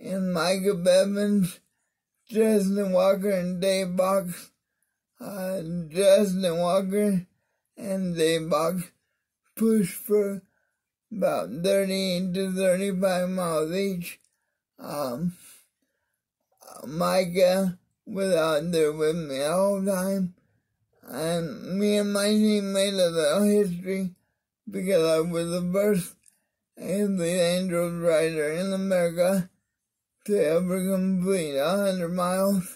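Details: Mild dysarthria in an adult man with cerebral palsy of the spastic diplegia type, affecting his arms and legs; he attributes his different voice to it.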